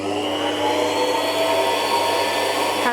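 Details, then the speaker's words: Podiatry nail drill smoothing the nail and nail groove during ingrown toenail treatment on the painful side of a left toe; steady loud high-pitched motor whine, felt as vibration; routine instrument sound. "So that's the sound that the machine makes. So it's a little bit loud. And what you'll feel is a bit of vibration."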